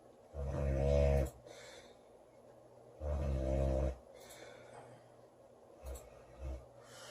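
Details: Loud snoring from a sleeping girl: deep, rattling snores on breaths about every three seconds, followed by softer short snorts.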